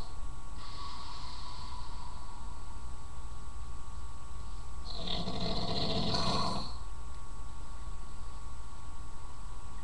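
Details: Adult man (father) snoring: rough, rattling snores over a steady hum of background noise.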